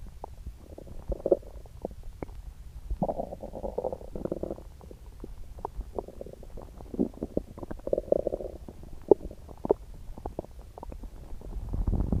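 Repeated gurgling, bubbling rumbles with quiet gaps between, typical of active stomach growling from an upset stomach.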